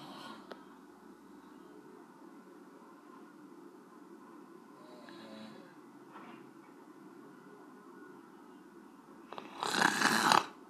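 Low, rough breathing noise during sleep, ending in one louder snorting snore.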